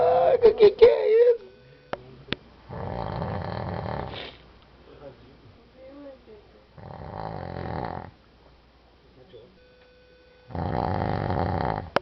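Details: Person sleeping and snoring: three loud, rough, rattling breaths about every four seconds, roughly 15 a minute, with quiet pauses between.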